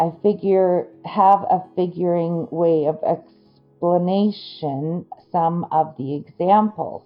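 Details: Adult woman with Broca's aphasia after a stroke that injured the Broca region of her brain; word-finding difficulty and sound substitutions reported, comprehension intact.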